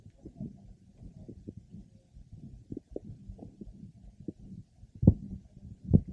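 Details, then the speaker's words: Listening over a pregnant mother's abdomen: maternal systolic murmur heard along with fetal heart sounds, a normal finding more likely in the second and third trimesters. "we are now listening over the mother's abdomen and a systolic murmur is heard in addition to the fetal heart sounds"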